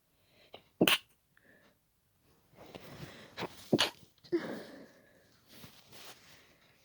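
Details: Person held back a sneezing fit after a tickling nose, trying to stay quiet while sharing a room: several short, muffled sneeze bursts with soft breaths between; stifled sneezes.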